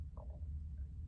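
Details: Stomach rumbling heard while speaking: a low, rolling rumble with a brief gurgle, an ordinary digestive sound (borborygmi).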